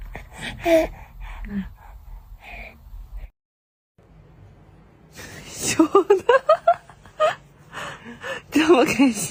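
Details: Baby crying, said to stop on hearing the mother's voice; short crying bursts and whimpers, broken by a pause, then choppy sobbing cries: infant crying.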